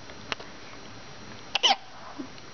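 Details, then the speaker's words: Four brief, sharp hiccups over about two seconds from a roughly 2-month-old twin baby girl, against quiet room noise; infant hiccups. "I have the hiccups yes yes"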